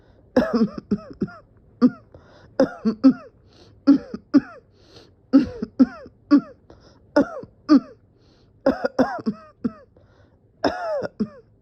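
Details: Sustained coughing fit with dizziness, person felt close to passing out: repeated bursts of short, harsh coughs in quick runs, about twenty-five coughs in twelve seconds.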